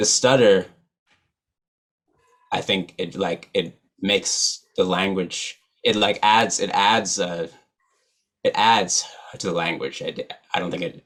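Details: Adult man who stutters, real, speaking at a stuttering association conference; stuttering.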